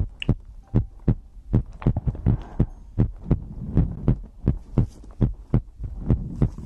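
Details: Normal heartbeat recorded as an ASMR compilation of the person's own heartbeat and breathing for sleep: clear paired lub-dub sounds at about 80 beats a minute with slight rustling.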